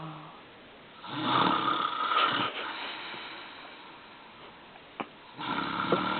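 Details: Loud, rattling inspiratory snores fading into quieter out-breaths, repeating, from a sleeping man in a quiet room; ordinary snoring.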